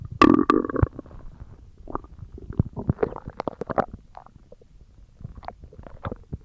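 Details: Stomach growling: gurgling, bubbling abdominal rumbles, loudest at the start and then in softer irregular bursts; ordinary bowel sounds (borborygmi).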